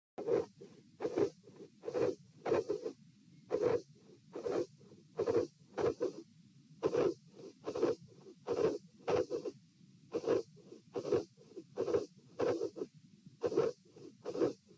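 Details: Heart sounds recorded at position P, patient standing, with dilated aortic root: repeating beats with a possible cyclic third heart sound that comes and goes, plus a sharp aortic vascular click.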